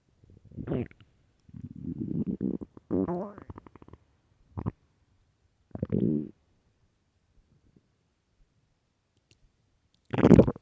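Several loud, long gurgling growls with pauses between them; stomach growling of an empty stomach, a normal finding.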